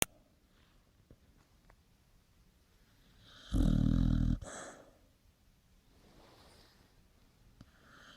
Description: Sweetest dog alive dreaming and snoring